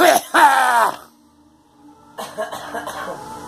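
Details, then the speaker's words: Two harsh, voiced cough bursts from irritation by inhaled smoke of burning sage, possibly rolled with tobacco stems, followed by quiet and background talk; irritant cough. "Damn it. Well, but the sage is right up my nose, that's why."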